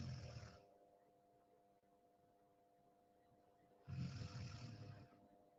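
Two loud, rough, low snores about three seconds apart, with a steady hum in the room. Ordinary snoring in sleep.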